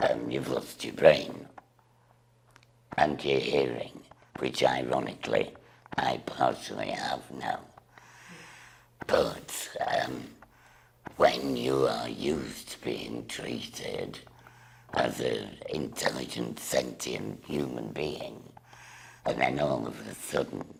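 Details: Woman with total laryngectomy speaking through a voice valve device, which she says usually works only about 10 minutes. Finding: alaryngeal speech after total laryngectomy.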